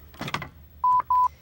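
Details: Demonstration of a Lifepak CR Plus automated external defibrillator: lid-opening click, then two steady mid-pitched beeps as it switches on; AED power-on tone.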